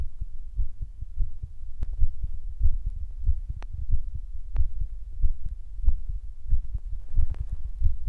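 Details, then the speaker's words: Own heartbeat of the person recording, soft regular thuds roughly 95 per minute with handling clicks; the person had noted it was beating fast. "like 60 to like 80 beats per minute is good."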